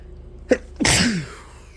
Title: three powerful sneezes